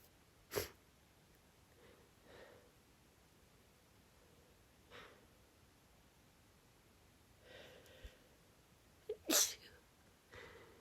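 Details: Sneezing: several sneezes, some stifled and muffled, two sharper full bursts, soft breaths between, quiet room.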